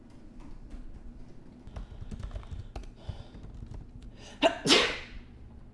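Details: One person sneezing: faint room noise and light tapping, then a short inward catch and one loud, explosive sneeze; sneezing.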